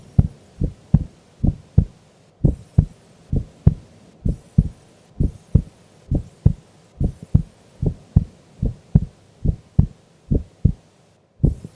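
Steady, regular lub-dub heartbeat at about 70 beats a minute. The two sounds are clear, with nothing extra between them.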